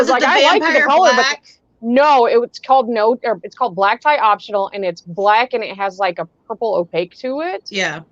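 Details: Adult woman speaking; normal speech.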